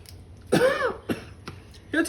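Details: An adult gives a short run of about four harsh coughs from throat irritation after breathing in heavy dust.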